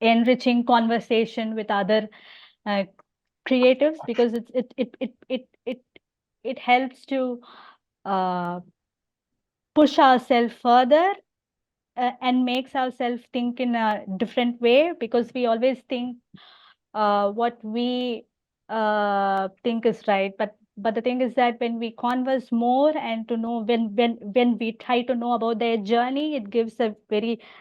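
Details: Adult host who stammers and also has hearing loss, speaking naturally while introducing a podcast guest; repetitions and fillers are audible; stammering.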